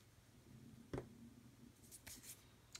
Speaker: Yes, that noise you just heard is my stomach rumbling. It's very close to lunchtime, so.